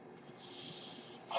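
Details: Steady airy hiss from the speaker's own ventilator delivering a breath, ending in a brief louder puff of air: mechanical ventilator breath cycle.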